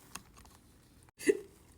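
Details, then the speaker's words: A faint click, then one sharp, abrupt voiced catch in a quiet room; a hiccup heard before a remedy of sipping water while pulling on the ears. "get a non-carbonated liquid preferably water pull on your ears straight down and sip water at the same time breathe let go excuse me the hiccups are gone works every time like a charm"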